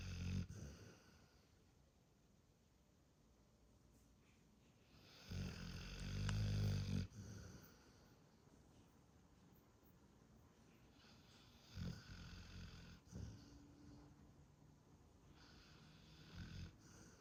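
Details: Low rumbling snores at irregular intervals from a dog, with quiet room noise between them; ordinary dog snoring.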